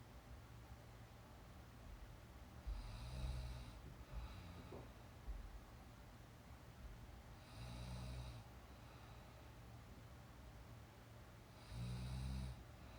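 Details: Soft, low snores on inhalation about every four to five seconds, around 13 a minute, over a steady room hum, from a girl napping, real recorded sound; ordinary snoring.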